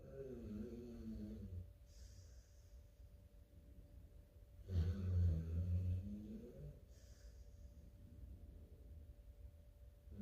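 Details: Chow Chow dog sleeping: two loud, rattling, vibrating snoring inhalations a few seconds apart, each followed by a soft airy exhale, about 13 breaths a minute.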